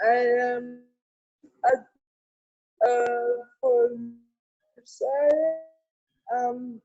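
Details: Real speech from an adult woman with cerebral palsy: dysarthria.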